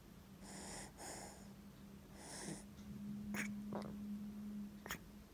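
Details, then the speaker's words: Infant in her first flu, day two, with cough, blocked nose, and chest mucus, struggling to sleep even held upright: snuffly, snorting breaths with rattly, whistling noises; congested noisy breathing. "ndak perlu ditambah lagi dia ke hidungnya juga mampet jadi buat tidur aja deh burger susah banget"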